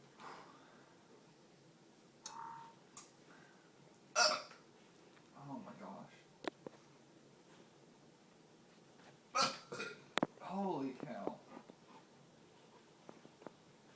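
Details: Hiccups in a man who is also burping and complaining of chest pain while buying movie tickets: a few short, sharp, irregular catches of breath in a quiet room, with faint murmuring between them.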